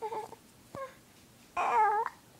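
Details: Infant with hiccups: short fussy cries and whimpers in a quiet room, brief bursts rising in pitch; infant crying.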